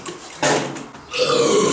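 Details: Two loud, rough, voiced belches in quick succession, an ordinary burp after drinking beer; the man had drunk three.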